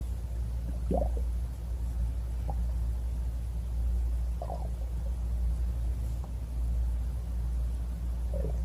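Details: Stomach growling: a low, steady rumbling with several short, bubbly gurgles over about nine seconds, ordinary borborygmi.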